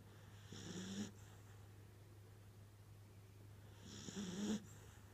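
Two snuffly snores about three seconds apart over a steady low hum. Ordinary snoring in a sleeping pet.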